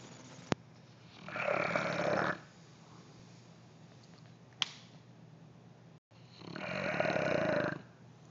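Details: A stray Neapolitan Mastiff being rehabilitated snores while asleep: two loud, rough, rattling snores on breaths in, about 6 seconds apart, with quiet breathing between. Ordinary snoring.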